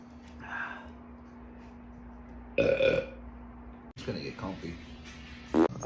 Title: Guys Burps Compilation